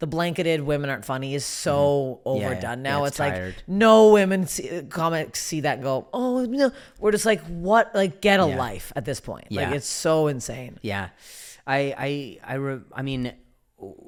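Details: Adult speaker; typical speech.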